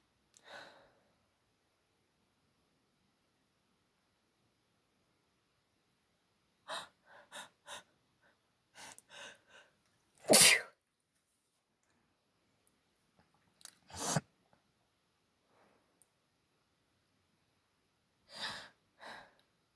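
A run of quick gasping breaths and several sharp sneezes, then nose blowing: a sneezing fit linked to allergy.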